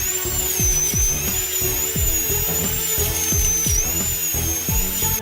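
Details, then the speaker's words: Diamond bur removing decay from a cavity and smoothing the cavity to prepare for a gold inlay; steady high-pitched drill whine under background music: dental drill. "等你躺平后，医生先用金刚石钻头去除腐质，腐质也就是蛀牙上的黑色物质。"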